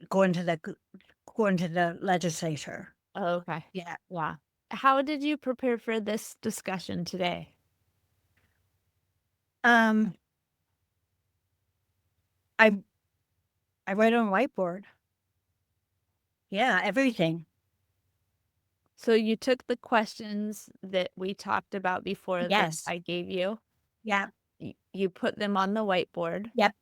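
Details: Adult woman with aphasia affecting word-finding, caused by a stroke on Thanksgiving Day 2012, about 13 years earlier; aphasia.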